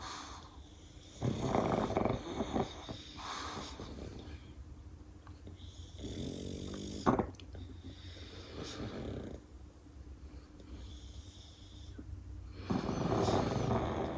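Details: Two pugs napping together on shared pillows, giving rattling, snorting snores with noisy breaths in a steady rhythm; snoring.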